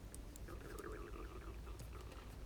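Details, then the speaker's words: Adult's own stomach rumbling, noticed while talking and crafting: a quiet, wavering gurgle over low room hum, ordinary borborygmi. "was use my tummy rumbling if you can hear my stomach"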